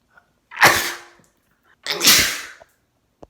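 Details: Adult male's sneezes from a compilation: two sharp, explosive sneezes a second apart, each a forceful burst of air trailing off, in a quiet room.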